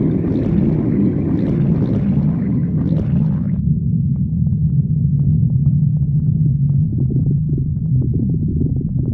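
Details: Stomach growling (borborygmi).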